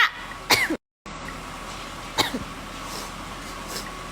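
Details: Adult woman coughing and sneezing repeatedly from smelling cooking: a few short, sharp bursts over steady room noise. Irritant cough and sneeze.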